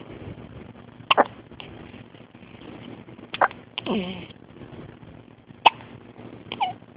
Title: Hiccups in the hospital.... 1 day old